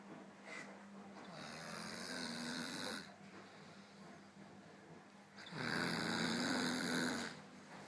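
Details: A young woman sleeping after a night out drinking gives two long, rough, rattling snores with quieter breathing between them; ordinary snoring.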